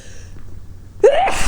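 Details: Induced sneeze, triggered by tickling the nose with a basil stalk and caught in a large handkerchief: a quiet indrawn breath, then one loud, explosive sneeze. Nose running and eyes watering.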